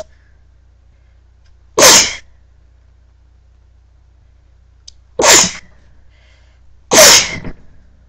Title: Early morning sneezes